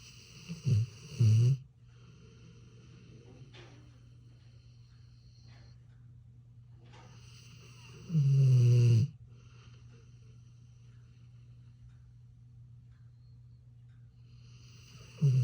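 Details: American Bully dog snoring: loud, low, rumbling snores about every seven seconds, roughly eight breaths a minute, with steady hum and quiet room noise between.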